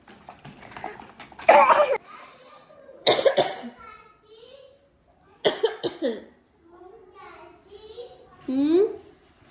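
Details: Three loud, harsh single coughs from a parent, spaced a few seconds apart, each followed by a toddler's babbling and playful squeal in reaction; cough.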